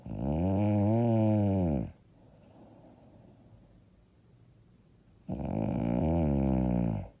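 Two long, loud, rough vibrating snores on inhalation separated by a quiet pause; heavy snoring during sleep.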